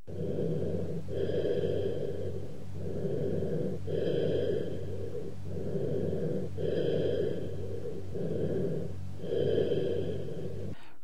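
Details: Educational auscultation recording of cavernous bronchial breathing: low-pitched, hollow breath sounds with a louder, longer expiration and a pause between inspiration and expiration.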